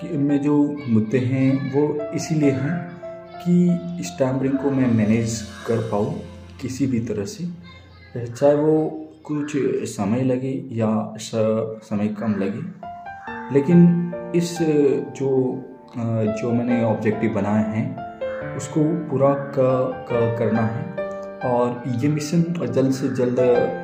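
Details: Adult man who says he stammers, speaking Hindi over background music about his self-managed stammering mission, begun on 11 December, supported by the Indian Stammering Association; stuttering.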